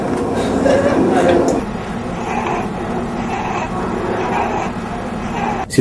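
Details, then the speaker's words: Noisy breath sounds with brief high musical whistling tones early on over a steady rushing background, from air forced through narrowed airways and audible even without a stethoscope; wheeze. "En ce moment-là, le passage de l'air va être affecté et le bruit que donne le passage de l'air à travers justement un orifice référencier, ça donne un son musical alors qu'on peut entendre même sans stéthoscope."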